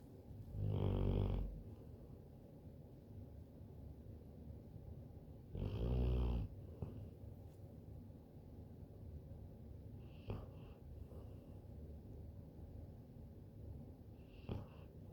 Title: Snoring